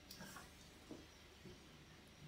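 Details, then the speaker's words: Quiet electrical signal from a needle EMG in the right extensor digitorum of a volunteer with hand at rest and muscles relaxed, needle taped in place: electrical silence at rest. "you will see while her hand is at rest and while her muscles are relaxed and still we have a quiet electrical signal"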